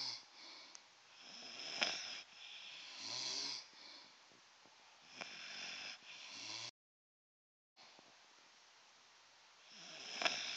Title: 2 Snoring Dogs!!!!